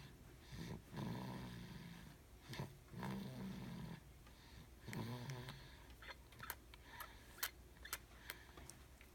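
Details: Low, rattling snores from a female recur every couple of seconds, with quieter breathing and faint clicks between them; ordinary snoring.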